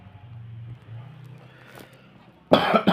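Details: Single harsh cough burst near the end over a low background hum, from a performer (ajengan/dalang) who keeps entertaining and singing despite being ill with a cough.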